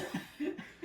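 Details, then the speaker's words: A few brief, soft voluntary coughs made on request while the person stays positioned, close to a light chuckle in sound. "Isn't that a better cough there? That's the better cough, right?"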